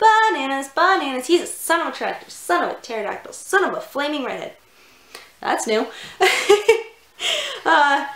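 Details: Adult woman with Tourette syndrome producing repeated vocal tics, including a tic she remarks is new; Tourette syndrome vocal tics.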